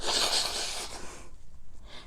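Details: A single loud, explosive sneeze from a young man during a challenge with a nasal product that gave him a runny nose, quickly fading into quieter breathing.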